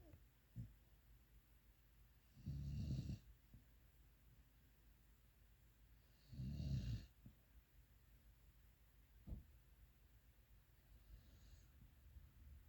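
Low, rumbling snores come at irregular intervals over quiet room noise, with a few softer breath sounds between them.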